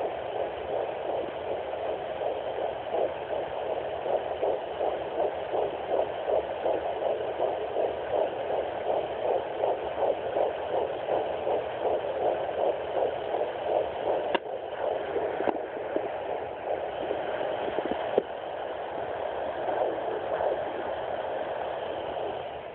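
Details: Fetal heartbeat at 11 weeks of pregnancy on handheld Doppler: fast, whooshing galloping pulses around 158 a minute under steady hum.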